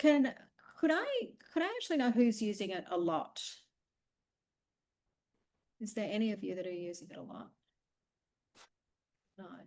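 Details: Adult woman speaking, brief second voice; ordinary speech.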